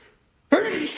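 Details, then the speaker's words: Man, a self-described pretty allergic person, in a sneezing fit after contact with cat (Persian) fur: brief quiet, then a single sudden forceful sneeze burst that trails off; allergic sneezing. "Oh my gosh, I don't know what in the world that I came in contact with today, but it has tickled my nose something fierce. And yeah, I just can't stop sneezing."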